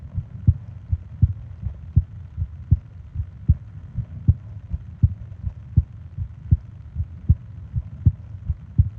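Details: Steady, low, thumping heartbeat at about 80 beats a minute with a soft background hum, from a 20-minute ASMR heartbeat and breathing recording made for falling asleep; a normal heart rhythm.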